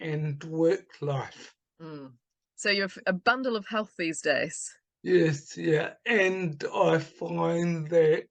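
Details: Adult speakers in conversation; typical speech.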